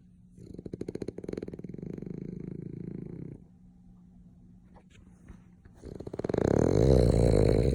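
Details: Snoring while napping, recorded in an old video: two long, low, fluttering rattles on the breath, the second louder and rougher.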